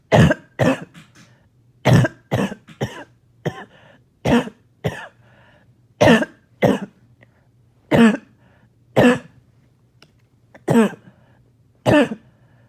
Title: More Barking Cough